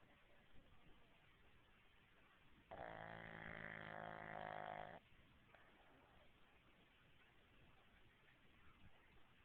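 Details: Sleeping dog snoring like a man: one long, deep, buzzing, chainsaw-like snore lasting about two seconds against quiet room noise; loud snoring.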